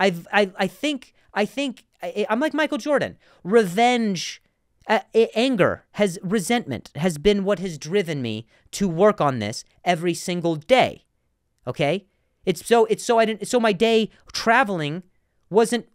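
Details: Adult male comedian who has stuttered for a long time and still sometimes does; word repetitions in this stretch; stuttering.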